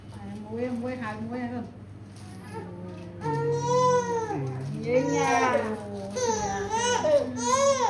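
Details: High-pitched, rising and falling wails from a 3½-month-old baby boy after his routine vaccination, with an adult's soothing voice nearby.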